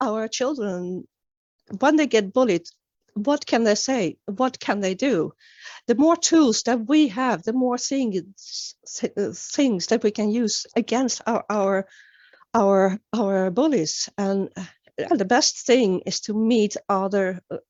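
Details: Real stuttering in an adult woman who began stuttering at age nine, with many word and phrase repetitions; finding: stuttering.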